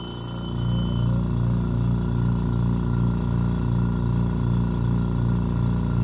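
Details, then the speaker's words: Refurbished home oxygen concentrator starting up while flow rate is turned down for testing with flow meter and oxygen tester: steady low motor hum with regular pulsing throb about three per second. "first i'm going to start this and bring the flow rate down"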